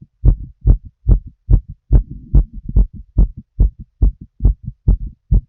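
Fast, regular heartbeat of about 140 beats a minute with crisp paired sounds and some rustling between beats.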